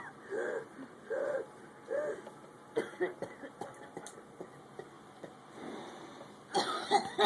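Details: Patient coughing in the ICU: three short, muffled coughs in a row, then quieter throat sounds and a final harsher cough, in a quiet room with faint equipment hum.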